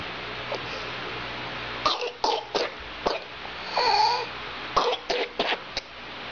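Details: A child's rapid runs of dry coughs broken by a high, drawn-in whooping breath, typical of whooping cough (pertussis).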